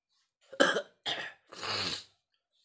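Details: Adult man with feverish malaise and cough at dawn, feeling unwell in the rainy season ("masuk angin"), having kerokan (body scraping) done by his wife: three harsh coughs in quick succession, the last one longer.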